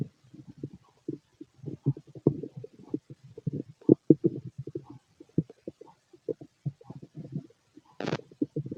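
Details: Adult male's loud stomach growling, described as a healthy digestive system: irregular gurgles, rumbles and squelches in quick bursts; normal bowel sounds from active digestion.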